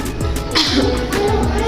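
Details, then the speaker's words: Simulated nursing demonstration of effective coughing: woman places hands on abdomen, holds her breath 3 seconds, leans forward and coughs, giving one or two short, forceful voluntary coughs over background music. "Baik Bu, jadi yang pertama posisikan tangan seperti ini, kemudian letakkan di atas perut, tahan nafas selama 3 detik, kemudian batukkan sambil badan dicondongkan ke depan ya Bu."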